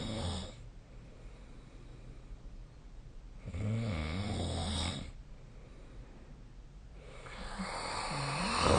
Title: 🐽 Snoring Sleep Sound / いびきの音